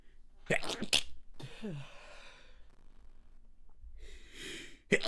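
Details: Stifled sneezes in an adult with congested sinuses: short, held-back sneezes with sharp muffled bursts, a wavering sniffly inhale between them, and a final stifled sneeze.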